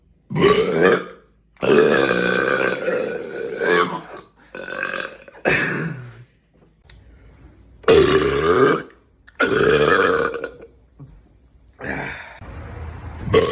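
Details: A person doing a sequence of burps: about seven loud, drawn-out, rumbling burps with short pauses between them, over background music.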